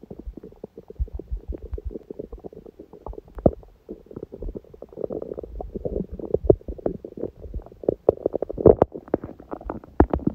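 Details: Self-recorded stomach sounds on a day with a smoothie breakfast and a salad, when the stomach was mostly quiet: continuous low gurgling and bubbling with frequent small pops and clicks; ordinary active bowel sounds.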